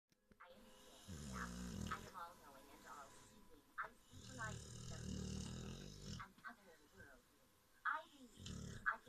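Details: Ordinary snoring in a sleeping puppy: soft, low rumbling snores repeating about every three seconds.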